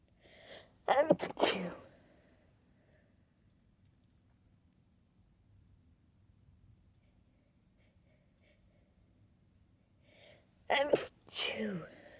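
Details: Late-night sneezing fit: two short, partly held-back sneezes, each with a quick breath in before it, separated by quiet; stifled sneezing from a strong tickle.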